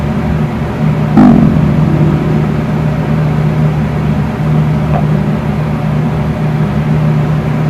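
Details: Adult's stomach growling from hunger before breakfast, recorded by phone at a distance with bedroom fan running: steady fan hum with a brief low gurgling growl near start and a fainter one later.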